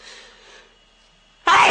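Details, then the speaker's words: Sneeze from a person with ragweed allergy: soft breathy inhalation, a pause, then the start of a sudden loud explosive burst. "I have to sneeze. I have to sneeze. I have to sneeze. My allergy is bothering me."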